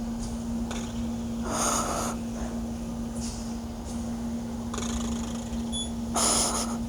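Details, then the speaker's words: Elderly grandmother snoring while asleep, newly snoring this way: irregular snorting snores and noisy sniffing breaths over a steady hum of room noise. "My grandma is sleeping and she's snoring like this how she snores now. This is how my grandma snores now."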